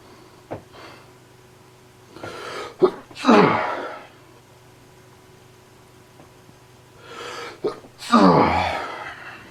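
Two loud sneezes, each preceded by a quick gasping in-breath, in a quiet room; repeated sneezing from allergies.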